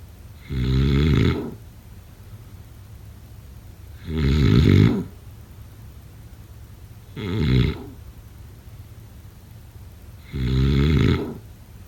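Four loud, low rumbling snores, about 20 a minute, evenly spaced with quiet between; adult snoring in sleep.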